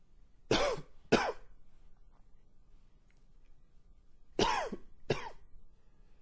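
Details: Long, wheezy cough with a few gags: two pairs of harsh, loose coughs separated by quiet breathing; wet cough.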